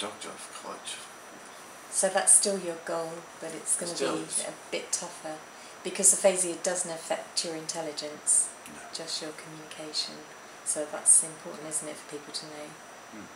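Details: Adult woman speaking; normal speech.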